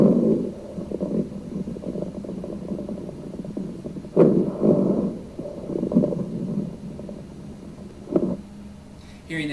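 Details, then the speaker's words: Rhonchi from secretions in the larger airways: loud, low-pitched bubbling and rattling heard early in the respiratory cycle, continuing throughout inspiration and expiration. "so again we anticipate with our Rock guide that we're going to hear this early in the respiratory cycle it's going to bubble throughout inspiration throughout exploration and it's going to be loud"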